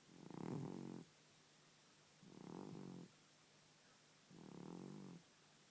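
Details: An elderly cat that has snored all its life, with the snoring worsening as it aged, snores loudly, human-like, while asleep.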